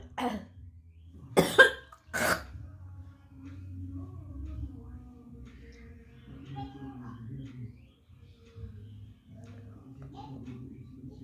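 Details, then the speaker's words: Unwell adult, full of phlegm and trying to bring it up into a bowl: three harsh, wet coughs and throat clearing, then quiet room noise with faint music; productive cough. "पूरा कफ सी भरा हुआ है यहां और भी हम निकलने का कोशिश कर रहे"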